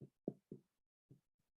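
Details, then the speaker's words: Teaching demonstration of chest percussion, moving from the clavicle down to the first intercostal space in the infraclavicular region, comparing the dullness of bone with the pure resonance of the upper lung lobes. "si quieren percutánse la clavícula y bajen para comparar si la matidez del Hueso y la sonoridad del pulmón no sé si se escucha"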